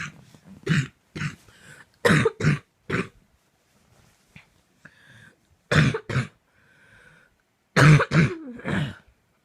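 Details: Coughing fit at 2am: repeated harsh coughs in clusters of two or three, about ten in all, with short pauses and breaths between.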